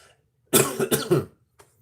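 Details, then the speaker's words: Adult streamer, still sick with a head-cold-like illness: a run of three rough coughs, then a quiet breath. "i'm sick i'm sick as a dog uh like a head cold thing"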